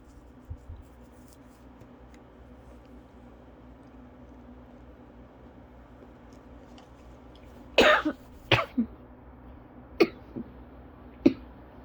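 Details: Adult with cough variant asthma in a long-lasting attack; after a quiet stretch, a short run of about five harsh coughs; cough variant asthma cough.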